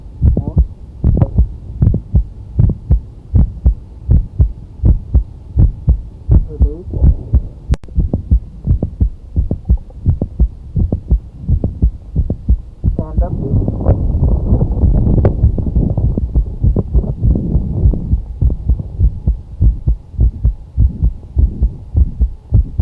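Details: Steady heartbeat near 82 per minute with a mid-systolic click heard on cardiac auscultation, a sign linked to mitral valve prolapse.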